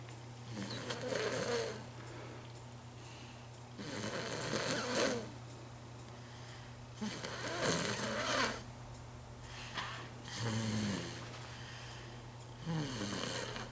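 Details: Five loud, rough snores about 3 seconds apart, roughly 20 a minute, over a steady low room hum: ordinary snoring.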